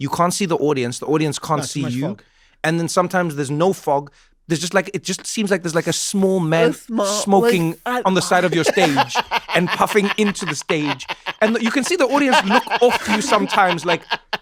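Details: Adult speaker; typical speech.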